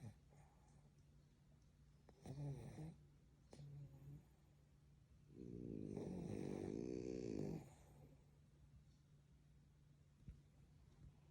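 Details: Sleeping French Bulldog snoring while dreaming: low rattling snores with one long loud snoring breath mid-clip, quiet room.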